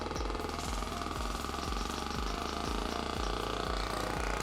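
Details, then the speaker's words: Loud continuous buzzing with rapid pulsing hammering from a V-actor percussive vibration device (similar to a Theragun) applied to the lateral hip tissue before radial pressure wave therapy, to increase blood flow; percussive vibration therapy device running. "So this is just what we call a V-actor. This is not much different than a Theragun. It's sending vertical waves into the tissue, which essentially"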